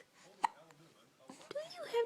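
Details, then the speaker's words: Two abrupt, sharp hiccups from a baby about a second apart, with soft adult voice sounds in the background: hiccups. "hiccups yeah oh do they hurt do you have the hiccups yeah"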